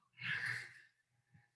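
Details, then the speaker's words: A 9.5-year-old boy with dystonic cerebral palsy, intrathecal baclofen, a PEG and epilepsy has difficulty clearing secretions. His noisy, rough breath carries a low throaty rattle and a short grunt from upper airway secretions. "He has problems with sleep, difficulty with sleep, and also difficulty, and you could hear that a little bit there in his throat, couldn't you, with clearing secretions."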